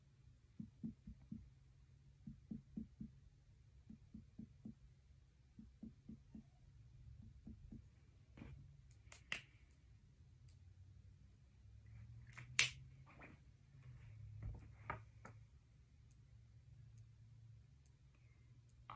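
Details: A student nurse percusses the liver span of a healthy patient: soft, quick finger taps in small groups moving down, then clicks and handling noise; normal liver size.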